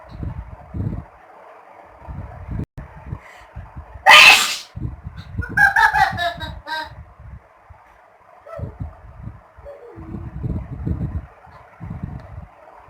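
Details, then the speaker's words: An adult mother sneezing on request gives a loud, sharp sneeze burst, then a few smaller sneezy sounds, against room noise and quiet talk. "Today she will be sneezing for us on popular demand."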